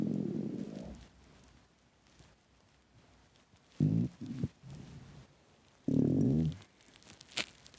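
Loud, gurgling low rumbles in several bursts with quiet gaps between; stomach growling, a normal bowel sound on an empty stomach.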